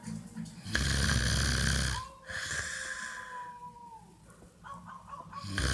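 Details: Sleeping person snoring loudly: a harsh rattling snore followed by a long high whistling nasal note on the next breath.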